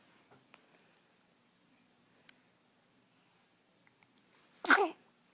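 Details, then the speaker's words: Pet sneezing after holding it in: quiet room, then a single short explosive sneeze. "You had to sneeze that whole time, huh?"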